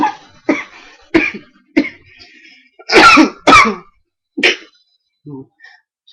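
Six harsh, irritated cough bursts, the middle two loudest, with faint throat sounds between them.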